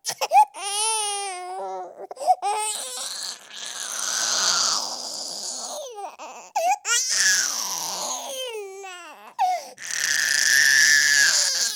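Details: Sound-effect recording of a baby boy crying intensely for a long time: loud, high-pitched, sustained wailing with gasping breaks between cries.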